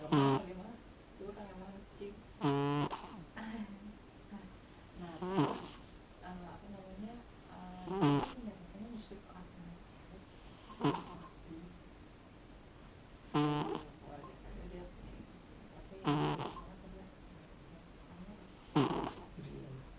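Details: Short rasping snores from a sleeping cat named Momo, about every 2.5 seconds, roughly 22 a minute, with faint talk in the background; snoring.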